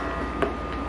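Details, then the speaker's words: Steady low mechanical hum with a soft rhythmic pulse from a Yoboo double electric breast pump after switching from massage mode to suction mode, its membrane moving; pump used for 5 months. "Ayan iba na yung sounds niya iba na din yung kulay niya dito tapos ganito na itsura niya Ayan gumagalaw yung membrane ayan"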